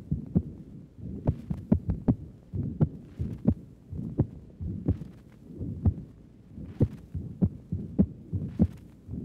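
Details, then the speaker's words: Archival 1955 stethoscope recording from the pulmonic area, upper left chest: heartbeat with a sharp, loud, accentuated second sound (loud P2) from raised pulmonary circuit pressure secondary to valvular disease. "There is evidence of accentuation of the second sound due to the increase of blood pressure in the pulmonary circuit, secondary to the valvular difficulty."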